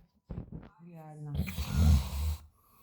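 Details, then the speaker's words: Snoring of an animal called "tiger" (species not stated), sleeping after the pool: a short soft sound, then a droning snore turning into a rough, rattling snort on the in-breath. "это просто вот это он храпит очень тихо порви всех во сне Загрузи насмерть Боже как он храпит"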